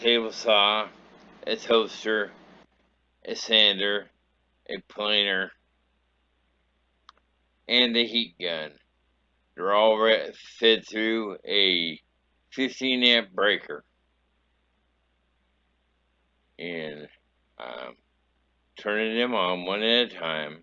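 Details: Adult man, traumatic brain injury survivor who woke from a three-week coma paralyzed, unable to move his left side; slurred speech he likens to sounding drunk; dysarthria after traumatic brain injury.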